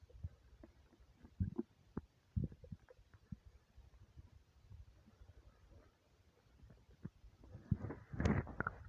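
Quiet low gurgles and pops, swelling into a louder rumble near the end; stomach rumbling on an empty stomach, normal.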